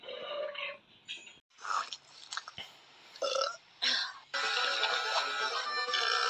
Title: burps compilation 71